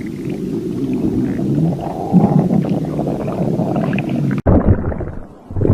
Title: stomach growling compilation 2025-2026